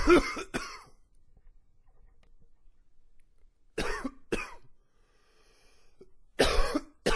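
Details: Five harsh, rough coughs in paired bursts with quiet pauses between; loose, wet-sounding repeated cough.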